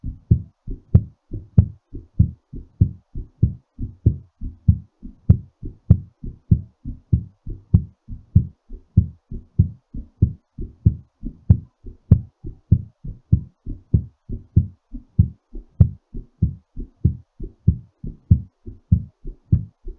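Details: Strong, regular low thumping at roughly 97 beats a minute, a quickened heartbeat during recovery after exercise; heartbeat after exercise.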